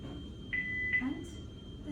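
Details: Philips HeartStart defibrillator during an operational check in a training demonstration: two short electronic beep tones, a defibrillator alarm tone, with low room noise.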